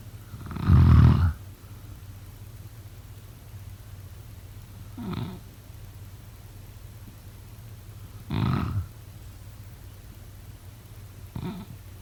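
Four low, rattling snores on inhalation, spaced about three to four seconds apart in a quiet room; ordinary sleep snoring.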